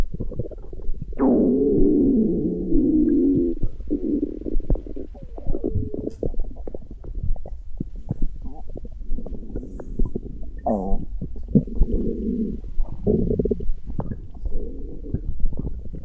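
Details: Stomach growling: near-continuous gurgling and rumbling with squeaky, bubbling shifts; ordinary borborygmi.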